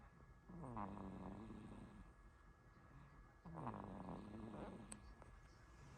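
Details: Tired 5-month-old baby asleep: two slow, buzzing, rattly breaths about three seconds apart; soft snoring.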